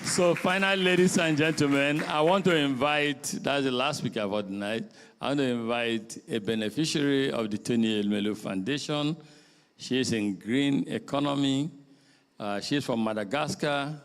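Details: Adult man speaking through a microphone; ordinary speech.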